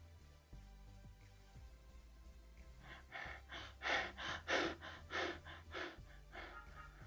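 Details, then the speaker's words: Cheyne-Stokes breathing in a heavy-smoking man (30 pack-years) with hypertension, unconscious after sudden chest and abdominal pain, suspected myocardial infarction: apnea, then quick breaths swelling louder and fading. "the scenario is strongly suggestive of myocardial infarction and of course we know that chain stocks pattern is associated with myocardial infarction"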